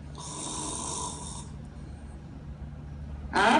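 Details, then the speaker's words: Snoring from soft palate vibration, presented as an example of obstructive sleep apnea syndrome: low, rough rumbling through the breath with a hissing airflow early on and a loud noisy burst at the end. "fazendo com que o palato mole basicamente o tecido mole pendurado na garganta a celebrar essa vibração é a fonte do ídolo se ouve quando alguém está roncando"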